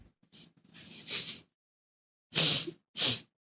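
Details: Sneezing from a girl: a drawn-in breath and a hissing first sneeze, then two sharp, airy sneezes in quick succession, a short run of sneezes.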